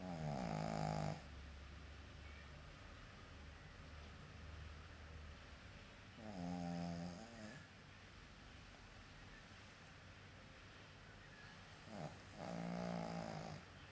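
Three buzzing snores about six seconds apart, roughly ten breaths a minute, from a sleeping dog over steady room hiss.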